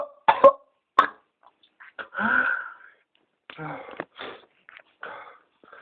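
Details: Sharp cough bursts then strained, gasping, wheezy in-breaths in a tested pertussis (whooping cough) patient about two weeks ill, on medication, fits occurring about hourly with near-vomiting; recorded at 7am.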